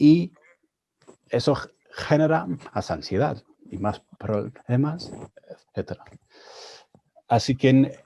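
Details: Stuttering in an adult man, speaking Spanish, a second language he learned after moving to Spain at 22; he reports his stuttering was more severe in Spanish.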